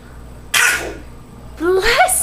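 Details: Young boy deliberately faking a sneeze he learned from his grandfather: a sharp burst, then a voiced, sneeze-like call; fake sneeze, not real.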